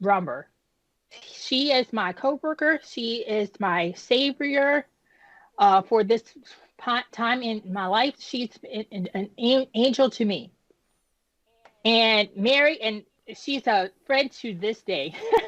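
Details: Woman who had a stroke at age 36 damaging about a third of her brain, including the speech center, initially leaving her unable to speak with right-side paralysis; she had aphasia and apraxia of speech.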